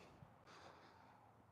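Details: A brief, breathy nasal blast of air over low outdoor background noise: a horse's snort during an equine chiropractic visit.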